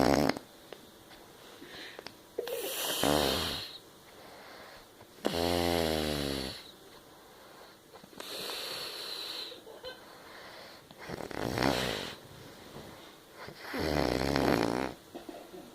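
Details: Loud snoring described as choking on one's own throat: rattling snores on regular breaths, about four in fifteen seconds, some buzzing and flapping.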